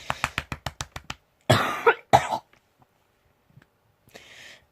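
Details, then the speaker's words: A fast run of about eight short dry coughs, then two harsher, longer coughs, from a vlogger who says they have been very very ill for days and still are; a repeated coughing fit. "I'm saying if I was very very ill and I still AM it's a great way to stop 2017-2018 I'm gonna be ill"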